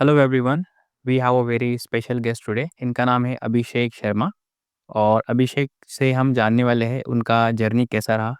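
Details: Adult male interviewer; fluent speech.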